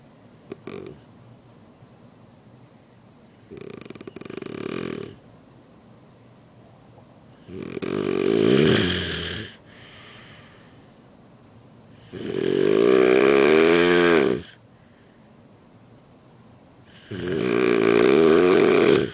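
Loud rattling snores on each breath, about four in nineteen seconds, with quiet pauses between them; snoring.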